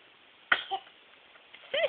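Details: Infant playing in a Bumbo seat: a sudden explosive burst followed by a short voiced sound and a small cry-like vocalization; infant sneeze.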